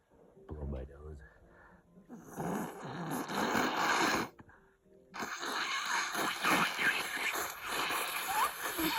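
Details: Congested nose blown into a tissue with long wet, rattling bursts of air, amid repeated sneezing, in a person who is stuffed up, sneezing and coughing and thinks they are getting a cold.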